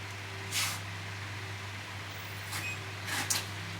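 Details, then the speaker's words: Steady low motor hum with a few short air hisses: the built-in compressor starting at switch-on in a 10-bar pneumatic radial shockwave therapy machine, about 15 kg, with two fans and filters, touch panel showing waiting. "now I switch on the machine from here you can see this is the touch panel and uh it's showing you waiting the machine is getting the compression is getting start"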